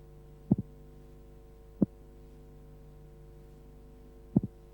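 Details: Simulated, slowed-down heart sounds from a 1976 auscultation training film on transposition of the great arteries, respiration disregarded: over a steady hum, a split first sound followed by a single second sound.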